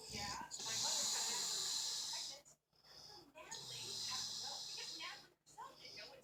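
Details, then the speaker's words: Breathy snoring: long hissing, whistling breaths with a faint fluttering rattle, about two cycles in six seconds, with brief silences between. "Ah, I wasn't snoring. So. yes, you were."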